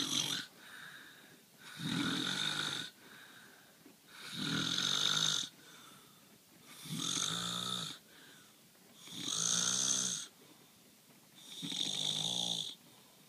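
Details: Sleeping husband: loud rattling snores on each in-breath, about 23 a minute, with quieter out-breaths; habitual snoring.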